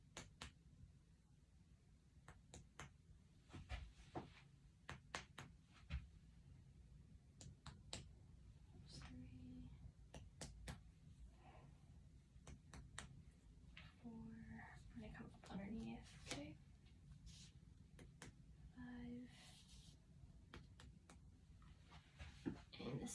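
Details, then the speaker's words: In a head-to-toe exam of an adult female patient whose lung sounds were clear, sharp finger taps percuss six spots per side in a zigzag, giving a hollow, resonant note. Normal resonant lung percussion. "So, that sounds nice and resonant. That's exactly what I wanted to hear."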